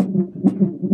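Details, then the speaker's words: Doppler monitor on a term pregnancy during labor, with stalled contractions. Rapid whooshing pulses: fetal heartbeat. "that's your heartbeat actually"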